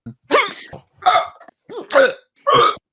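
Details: Man with hiccups during a drunk podcast stream: four abrupt voiced hiccups in under three seconds, each a sudden catch of breath with a short vocal burst.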